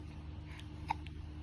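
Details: 6-week-old newborn girl hiccuping for about 2 minutes after milk feeding; a single soft, abrupt infant hiccup over a low steady room hum; hiccup.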